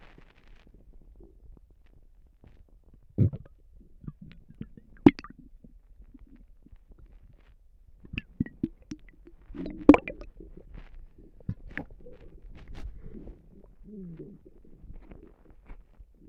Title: Stomach noises and and a burp at the end for you guys